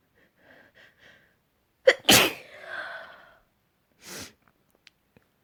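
Several small catching breaths build up to one loud, forceful sneeze, followed by a quieter breath out; a single sneeze after a build-up.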